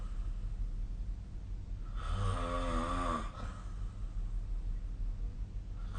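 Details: A single rough, buzzing snore on the in-breath, lasting just over a second, against a steady background hum; sleep snoring.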